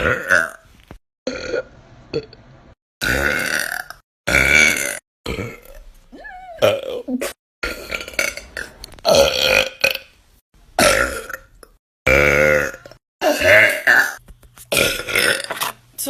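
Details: A girl's loud, drawn-out voiced burps, repeated one after another with short pauses between: repeated belching.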